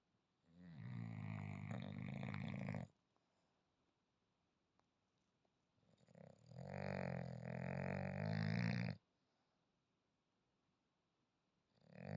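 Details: Sleeping French bulldog snoring: two long, loud rattling snores separated by quiet pauses, with a third starting; noisy flat-faced airway snoring.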